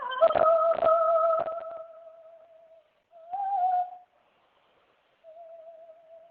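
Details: Normal high-register singing voice in an archival recording of a female opera singer, made before her 1930s thyroid surgery. She reaches extremely high notes and projects her voice, with normal superior laryngeal nerve function on both sides.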